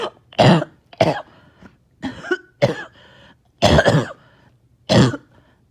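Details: Six harsh, wet cough bursts with rattly mucus sounds between them; a productive cough bringing up phlegm, with choking, after a breathing treatment, during prolonged painful mucus clearance.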